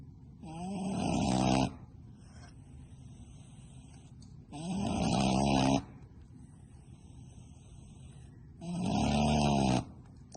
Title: Cute Micro Pig Snoring